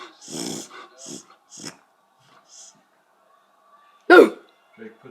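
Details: Beagle named Drake, owner calls it reverse hiccuping, recurring episode: a few short nasal snorts then one sharp sudden burst of air through the nose, with laughter and voices nearby; sneezing.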